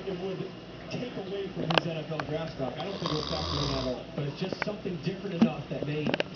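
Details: Toby taking a nap: rough, rattling snores under a voice talking over them; snoring.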